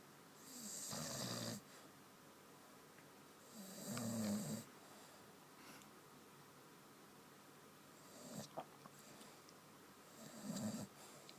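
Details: Sleeping dog (described as a Westie, titled as a Staff) snoring and dreaming: slow, rough snoring breaths, about four in eleven seconds, with soft twitchy sounds between.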